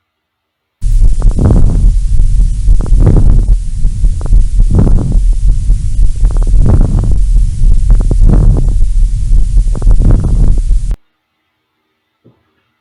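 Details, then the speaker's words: Fine late inspiratory crackles in a lung auscultation teaching example: brief crackles at the end of each inspiration within the breath cycle. "e agora nós tivemos um tipo de creditação que aconteceu no final da inspiração"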